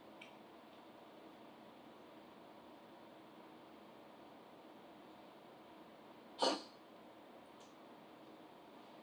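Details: Small animal with some allergies; steady room hiss, then a single short, sharp sneeze near the end. Sneezing.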